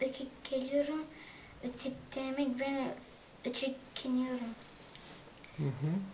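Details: 9-year-old boy from Switzerland with stuttering, currently attending stuttering therapy.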